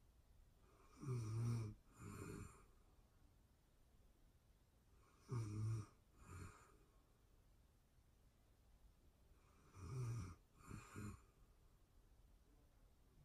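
Low rumbling snores in pairs of bursts, about three breath cycles in 13 seconds, with quiet gaps between. Ordinary sleep snoring.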